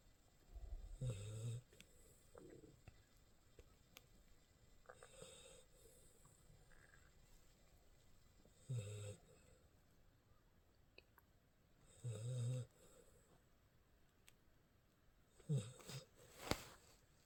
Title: 강아지 코골이 소리 ~~